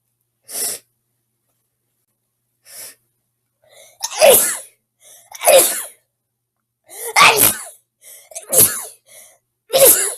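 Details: Person sneezing: a run of about seven sharp, explosive sneezes with quick in-breaths between them; repeated sneezing.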